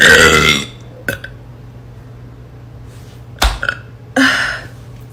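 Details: A loud, long belch followed by shorter burps and clicks in a quiet room, from a young woman burping on command after an Irish coffee; deliberate burping.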